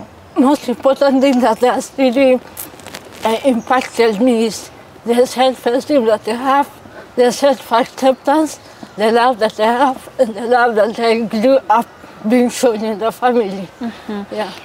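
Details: 33-year-old woman born with cerebral palsy; dysarthria (cerebral palsy).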